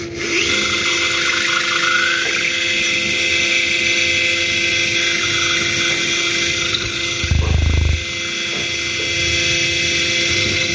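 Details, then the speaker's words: A surgical handpiece with a sharper Norris drill cuts dense zygomatic bone for a zygomatic implant on a skull/maxilla training model, producing heat. Continuous high whine with a brief rougher grinding burst partway through. "Now, it's producing a lot of heat. The handpiece has got really heated up."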